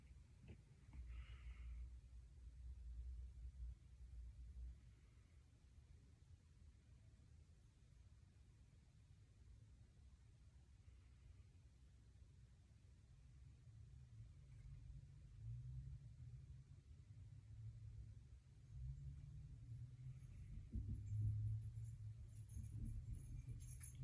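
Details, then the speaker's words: Student nurse auscultates the aortic, renal, iliac and femoral arteries with a stethoscope: only a low rumble, no bruit heard, normal with no abnormalities. "all right and I didn't hear anything there so that is completely normal no abnormalities"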